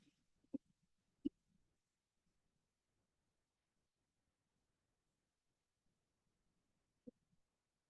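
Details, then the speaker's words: Needle EMG recording: sparse dull low-frequency thumps over a quiet background, an overwhelming number of positive sharp waves with an occasional fibrillation, signalling denervated, orphaned individual muscle fibres. "Now, in this case, there's an overwhelming number of positive sharp waves, which have kind of the lower frequency to them. So they sound like more thumps."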